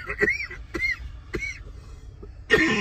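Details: Coughing fit in a small, smoke-filled space: four short, harsh cough bursts with throaty tails, the last the loudest.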